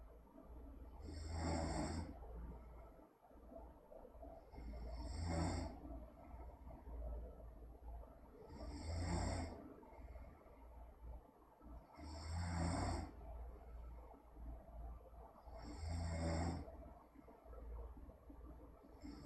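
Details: Person snoring: loud, rough snores recurring regularly at about 16 breaths a minute, with rumbling on each inward breath.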